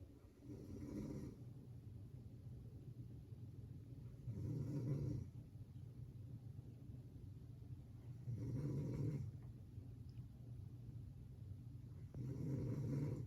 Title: Bare feet sleeping (snoring)